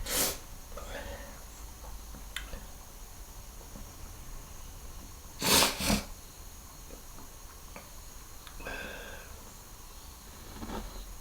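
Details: Sneezing: two sharp explosive sneezes, one near the start and a close pair midway, over steady room noise with faint voices.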